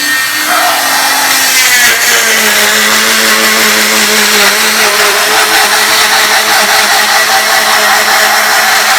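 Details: Oscillating cast saw cutting straight down the side of a girl's leg cast: loud steady buzzing whine with grinding; the blade vibrates back and forth so it moves with skin but cuts the cast.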